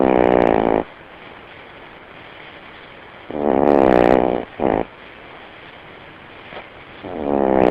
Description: my dog snores really loud even when she's awake. she would probably have to pay a fat tax if i tried to take her on a flight.